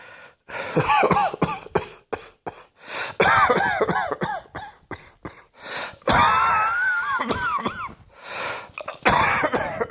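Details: Several bouts of rapid, harsh coughing with strained, voiced, squeaky tones and brief gasping breaths between; repeated coughing fits.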